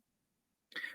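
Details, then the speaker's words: Single short, harsh cough from a lecturer during an evening religious lecture in a hall; he apologises, citing a slight cough and weakness from busy work and sitting in air-conditioning. "Tak maaf hadirin sekalian, ada batuk sedikit, lemah, dengan kesibukan kerja, asyik duduk dalam aircon saja dan sebagainya."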